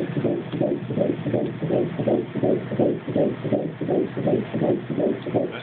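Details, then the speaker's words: Rapid, regular whooshing fetal heartbeat at about 167 bpm on ultrasound at about 11 weeks in an IVF twin pregnancy, fetuses measuring about two inches; normal fetal heartbeat. "i think the balloon was always the hardest to try to find the heartbeat did i see it you can actually see it beating something right now that's what that is"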